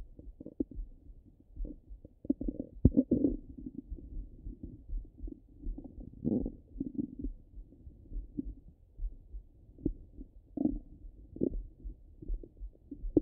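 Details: Irregular gurgles and rumbles from the abdomen; ordinary stomach rumbling, borborygmi.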